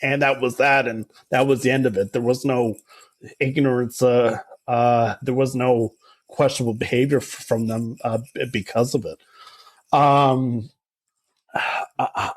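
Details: Adult male writer and public speaker who stutters, interviewed on a stuttering podcast about living with his stutter; stuttering.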